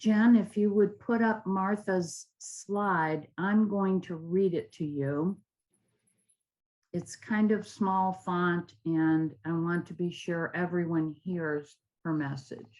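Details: Adult woman speaking; normal speech.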